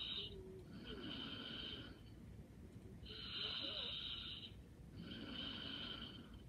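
Soft, regular snoring with a whistling, hissy quality on each breath, about three breaths in six seconds, in a quiet room.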